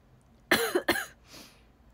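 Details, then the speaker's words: Young woman with asthma, no cold or fever, speaking on a livestream: two quick, sharp cough bursts close together, then a soft breath; asthma cough. "今、喘息でめっちゃ咳出るんですよ。ごめんなさい。"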